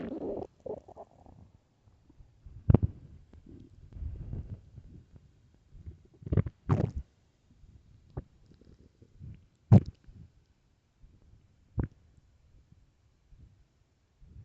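Low gurgling rumbles with several sharp louder growls over a quiet background; loud stomach growling on an empty stomach, a normal digestive sound.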